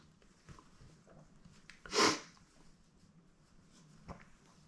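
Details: A person's big, wet sneeze while a friend helps hold it back: a single sharp, wet sneeze bursts out in a quiet room.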